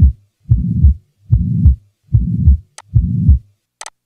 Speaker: the following recording will introduce a pan systolic murmur having an even intensity throughout systole